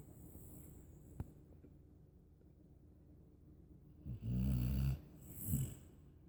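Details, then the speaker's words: Asleep in someone's lap, quiet breathing, then a loud rumbling snore and a shorter second one: snoring during sleep. "You do realize you're snoring. Hmm? You do realize you're snoring."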